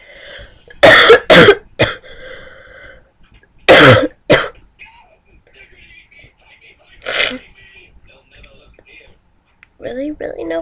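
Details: A few loud, harsh coughs in two clusters, then a throat clear, between quiet speech.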